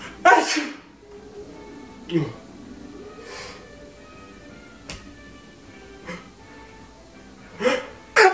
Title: Every time I sneeze three times